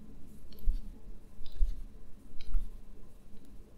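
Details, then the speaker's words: Left knee clicking, heard as the knee is straightened from deep flexion while not really bearing weight: three sharp, distinct small clicks about a second apart with soft thuds, knee crepitus. "you can you can hear very distinct clicking even though I'm not bearing weight as such on that lick and they're small"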